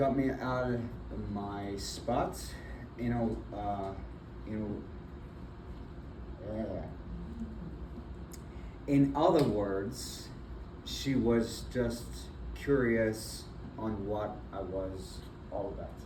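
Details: Adult man with aphasia and apraxia of speech after a February 2024 stroke, initially nonverbal with right arm and leg affected, followed by several further strokes; still in speech therapy; aphasia with apraxia of speech.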